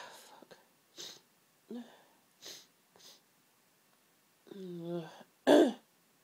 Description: Very intense fit of sneezes brought on by hayfever again, these sneezes felt incredible but they just wouldn't stop and they were so intense & the relief felt so good